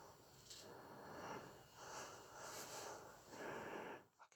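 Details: A Chorkie dog asleep on the owner's lap, gently snoring: soft, steady snorting breaths, about four in four seconds.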